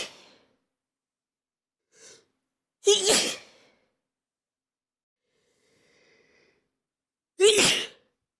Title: 400 subs special // stifled and normal sneezes